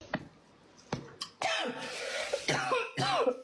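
A few short coughs and throat clearings, then voiced, sputtering cough sounds in a small room.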